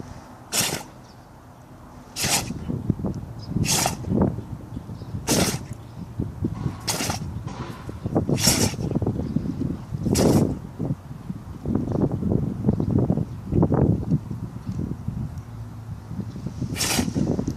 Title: Funny Tibetan mastiff sneezing / Тибетский мастиф забавно чихает